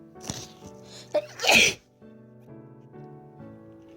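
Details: First-time sneeze induced by pushing a tissue deep into the nose: a sharp inhale, then one loud explosive sneeze, with music in the background.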